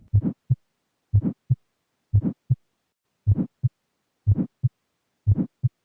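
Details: Heart murmur: a regular heartbeat about 60 a minute, with a rushing murmur trailing the first sound before a short second sound; an educational audio clip in an NCLEX-PN nursing exam review.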